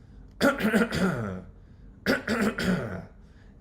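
Two short bursts of repeated throat-clearing sounds, an adult imitating the vocal tic of Tourette syndrome.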